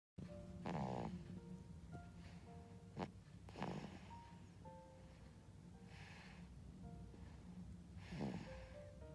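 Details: Baby snoring: a few soft, rough snorting breaths at irregular intervals over steady background music.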